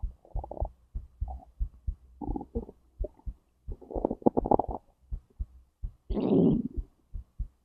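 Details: Own recording of a whole digestive process from stomach to intestines, with heartbeat; soft regular heartbeat under intermittent gurgles and a longer rumble; normal bowel sounds.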